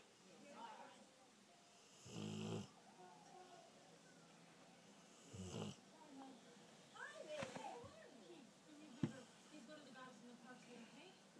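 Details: 2-year-old Rottweiler asleep: two short, low snores a few seconds apart, then faint talking and a sharp knock in a quiet room; snoring.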